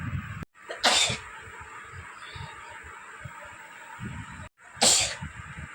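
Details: Sneezing challenge: two sharp, explosive sneezes a few seconds apart over steady background hiss.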